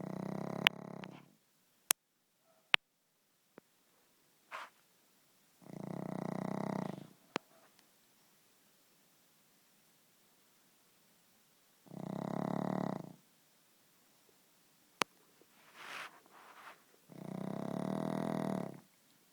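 Long, rough, rattling breaths in spaced cycles, about four in twenty seconds, with faint clicks between: snoring.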